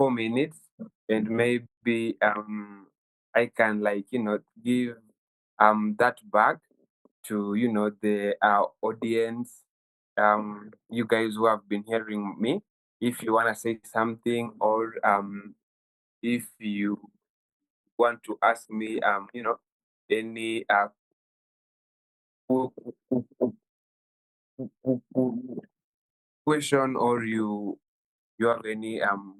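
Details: 23-year-old Kenyan man who has stammered since childhood, with the stammer worsening at university; stuttering.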